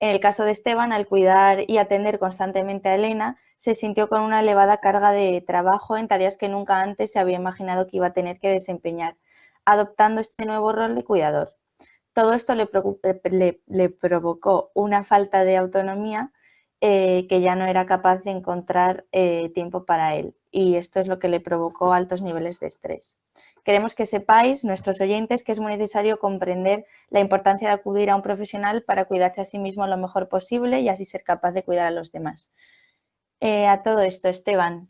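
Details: Adult woman speaking Spanish; no speech disorder.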